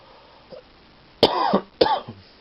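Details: Cough in a man who had hiccups for about eight hours, attributed to stomach acid and eased by Prilosec, now with a sore throat after vomiting earlier: two short, voiced coughs close together, with a throat-clearing quality.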